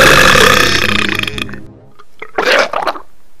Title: Hot sexy cool awesome burping